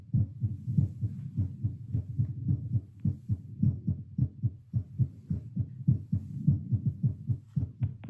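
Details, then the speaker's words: Self-recorded heartbeat through a Littmann CORE stethoscope while doing 10 squats after a seated baseline of about 78 bpm. Strong, regular lub-dub beats at roughly 105 a minute; the rate rose to 85 on standing, then 100, peaking at 115. "I like how it sped up really fast. Like, as soon as I stood up, it went up to, like, 85, and then it was quick to go into 100."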